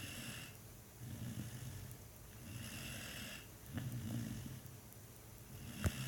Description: Here's a minute of contented doggo snoring